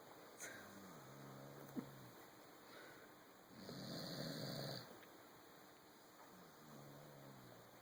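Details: Snoring from a Corgi dog asleep on a sofa.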